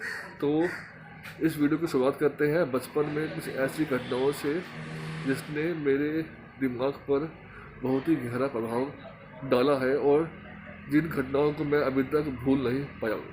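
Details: Hindi-speaking man from Delhi who stammers, speaking in a stammering association course task on emotional recovery and self-image; stuttering.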